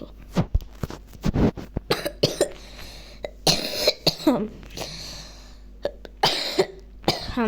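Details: Boy with a cough while playing online chess: several short, sharp coughs and throat clearing in a quiet room, with brief speech in between.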